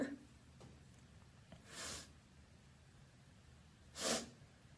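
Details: Alone at home, sneezing loudly and openly: two loud, wet, vocalized open sneezes a few seconds apart in a quiet room.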